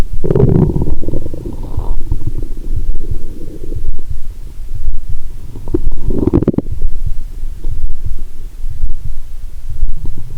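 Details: Lying down after drinking cola with swallowed Mentos, stethoscope on abdomen: loud gurgling and rumbling bursts over steady faint low thumps about once a second (heartbeat heard): active bowel sounds.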